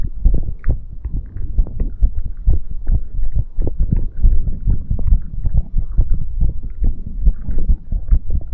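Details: Rapid, deep thumping heartbeat with some low rumbling and rubbing noise, recorded as ASMR after exercise; fast heartbeat after exercise, a normal response to exertion.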